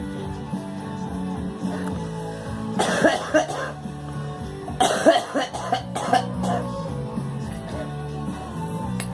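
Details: Young girl coughing: two short clusters of harsh coughs, several bursts each, over steady guitar music in the background.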